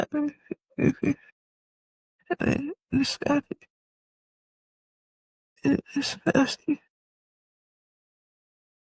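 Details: Adult woman with multiple system atrophy, cerebellar type (MSA-C): severe slurred dysarthria (multiple system atrophy, cerebellar type).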